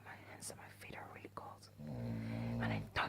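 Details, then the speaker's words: Quiet whispering, then a long, low, rattling snore from an adult mother sleeping in a hospital bed nearby at night: loud snoring. "I don't know if you can hear me because my mom is snoring badly. So yeah, I'm going to try to sleep next to that, but I'll be fine."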